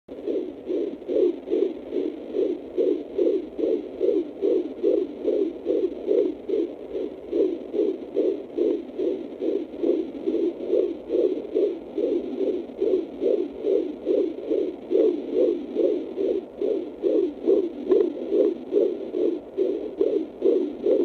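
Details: Fetal heartbeat heard at home on a fetal Doppler: rapid, regular whooshing, galloping beats at about 146 a minute, a normal fetal heart rate.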